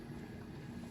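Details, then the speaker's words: High-flow nasal cannula oxygen, escalated from 6 to 15 liters per minute for a patient needing more than 6 L/min to keep SpO2 above 89%. A steady low rushing roar of airflow. "make sure to tell your patients there is going to be that high flow pressure so they might feel a little moist they might feel some nasal dripping and that's normal"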